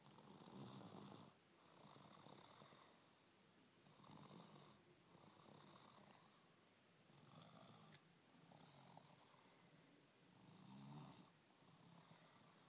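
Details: 18-month-old toddler snoring heavily, like an adult: regular, fairly loud snores with a rough low rattle on each breath, about five breaths in 13 seconds.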